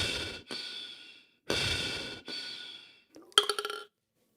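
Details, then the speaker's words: Four long, strong airy inhalations and exhalations through a Breath Builder device by a flutist keeping the ping pong ball at the top, then a brief rattling flutter as the ball falls when breath support is released. "so you can see that through that inhalation and exhalation that ping pong ball stayed up to the top of the device and then finally when I let go of my support it fell to the bottom"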